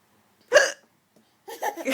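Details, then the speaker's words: A mother's single sharp, voiced hiccup, followed by her baby daughter giggling at it. "Mommy hiccup scaring you? You like my hiccups?"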